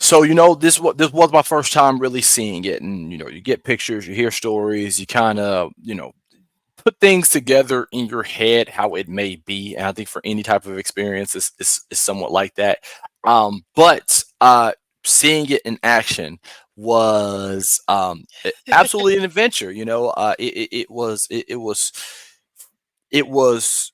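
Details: Adult man speaking; normal voice.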